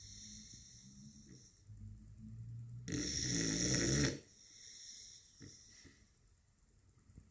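Soft rattling breaths with a louder, rough snore burst in the middle, over faint room noise; a sleeping puppy snoring.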